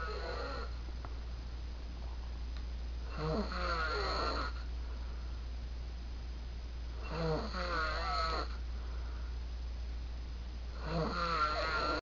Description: He was snoring loud at 3 in the morning, so I messed with him.